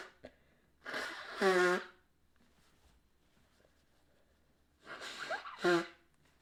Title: Mainly Nose Blowing. A Few sneezes.